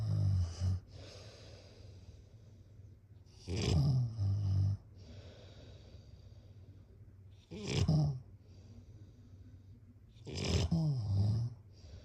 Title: # #snoring #snoringasmr #snoringsounds #snoringsleepingsoundeffect #sleepsounds